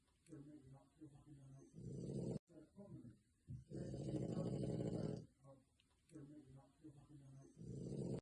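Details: Snoring from a sleeping French bulldog: rough, buzzing snores alternating with shorter snorting breaths.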